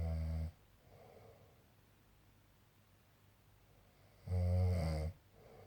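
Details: Loud, low rattling snores on breathing in, with quieter breaths between and long gaps, from a sleeping male; ordinary snoring.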